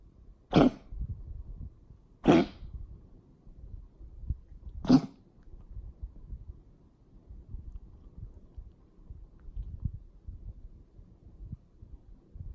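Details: Dog gives three short, harsh cough bursts in the morning, spaced a couple of seconds apart, over quiet room noise; cough.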